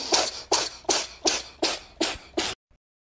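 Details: Domestic cat sneezing with nasal discharge: seven quick sharp, hissy, wet-sounding sneezes in succession.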